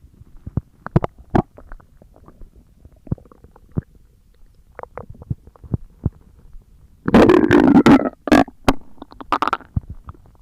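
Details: ASMR recording of stomach growling: scattered gurgles and squelches with a louder rumbling burst partway through, from moving gas and fluid; ordinary borborygmi.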